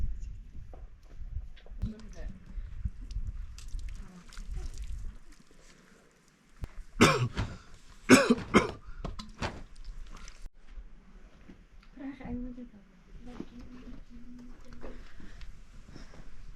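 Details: A man with a persistent cough who was later seen by a doctor and prescribed medicine and serum: a run of harsh clustered coughs with throat clearing, quiet talk, and room and footstep noise.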